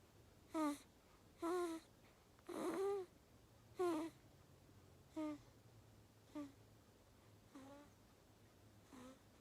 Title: Days old baby snores